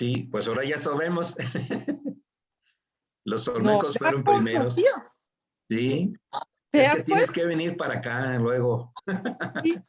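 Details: Aphasia after acquired brain injury from stroke in a participant of an art history workshop for people with aphasia, giving a spoken presentation in Spanish; finding: aphasia.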